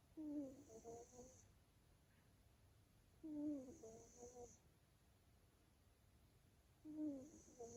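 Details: Soft, regular snoring from a sleeping male Maine Coon cat, one snore every three to four seconds, about 17 a minute, with faint room hiss.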